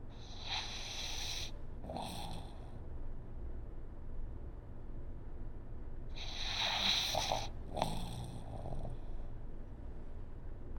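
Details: Snoring in a sleeping pug that makes sweet breathing sounds, wakes briefly, then falls back asleep: two pairs of snorting, snoring breaths with quiet breathing between them and steady room noise.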